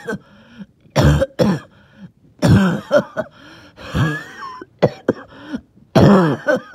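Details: About six to eight harsh, wet cough bursts with throat clearing and a faint whistling edge; a wheezy, phlegmy productive cough.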